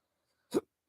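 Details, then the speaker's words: Hiccup from a person talking, interrupting speech. "my hiccups are just marring this whole soundtrack"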